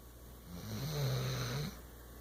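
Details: A single low, buzzing snore on an in-breath lasting about a second; snoring.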